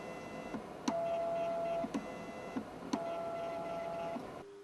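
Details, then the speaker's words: BonAge ultrasound bone age device in a demo: sharp clicks, button beeps and short motor whines as the transducers are moved into position on the patient's arm. "this will cause the probes to close on both sides of the patient's arm until pressure equals approximately 500 G"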